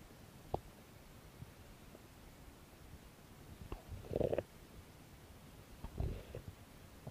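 Quiet room with faint clicks, then low gurgling rumbles twice; ordinary stomach growling.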